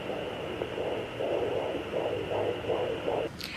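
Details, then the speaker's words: Normal fetal heartbeat of a girl on a 3 MHz handheld home fetal Doppler with gel, mother standing: rapid, regular whooshing pulses, about 150 a minute, strong, over a steady electronic hum. "there she is good strong heartbeat you guys will see in the top right corner when the heart is lighting up that means that you found the heartbeat"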